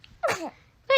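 A brief, high, airy burst from a baby, followed by a voice: a small infant sneeze.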